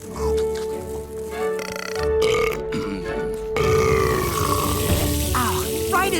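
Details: Animated cartoon (TMNT): Mikey's long, loud, exaggerated burps over background music; burping.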